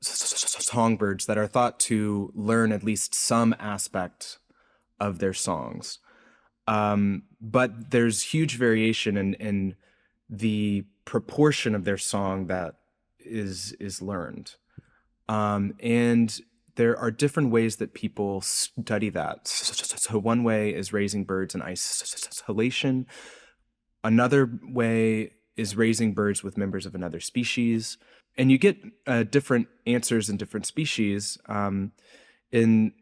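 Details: Adult researcher who says he has a speech impediment heard throughout the interview; speech impediment (stuttering-like disfluency).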